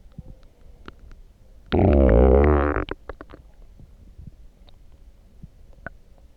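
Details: After drinking coffee, a single loud, gurgling growl of about one second rises from quiet room noise with a few faint clicks; borborygmi, loud stomach growling.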